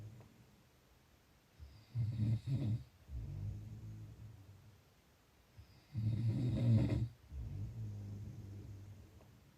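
Two loud, rattling snores on the in-breath, each followed by a softer out-breath, roughly 12 to 13 breaths a minute.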